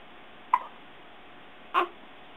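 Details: Hiccups in an 8-day-old newborn boy: two brief, abrupt gulping sounds about a second apart in a quiet room.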